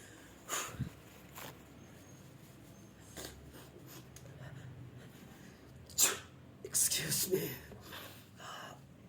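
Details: Sneeze.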